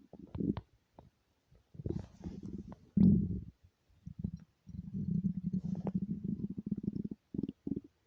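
Loud, low, bubbling gurgles and a long rumbling growl; ordinary hunger stomach growling.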